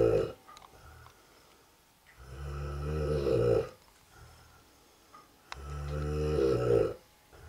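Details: Loud, deep, rattling snores on each inhalation from an adult man (father) asleep, about 19 breaths a minute, with quiet pauses between; snoring.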